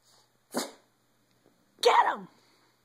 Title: boston terrier sneeze barking